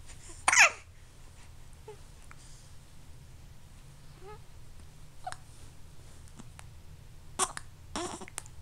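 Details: A few sudden, sharp little catches of breath with soft vocal sounds between, over quiet room noise; hiccups.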